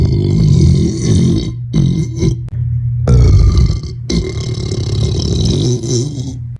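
Very loud, deep, rumbling burps in long runs with short breaks; repeated forceful belching.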